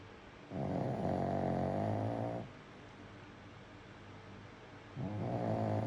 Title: This was last night my baby snores so loud 😂😂 very comfortable ❤️❤️❤️ goodnight my love❤️